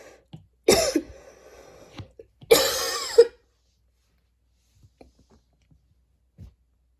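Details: Person coughing while studying, cough described as really bad; two harsh, forceful coughs, the second drawn out and raspy with a throaty catch at the end, then quiet: cough.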